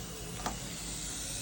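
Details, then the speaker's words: A click, then a steady airy hiss of suction running, turned on to confirm it works during a daily anesthesia machine checkout, with the suction canister connected to patient and vacuum. "So we're going to come over just make sure everything's all connected into our suction can. It's on patient and then the vacuum is into the back of the machine. And then we want to make sure that we turn it on and can actually hear"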